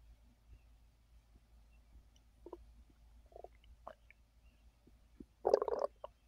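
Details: Scattered soft gurgles and a louder bubbling rumble from a full belly while the person rests after overeating following a gummy; digestive bowel sounds (borborygmi).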